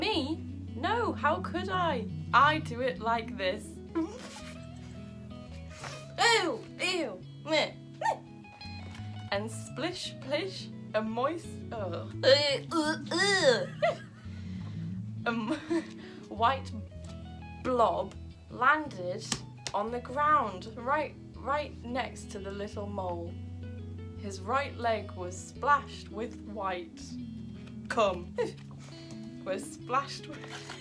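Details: Adult woman with Tourette syndrome reading a children's story aloud while her vocal tics interrupt the reading; vocal tics (Tourette syndrome).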